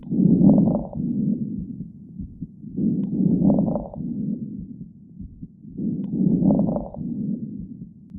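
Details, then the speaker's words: Fine crackles: steady breathing at about 20 breaths a minute with faint, brief crackling during inspiration. "and the correct answer is fine crackles"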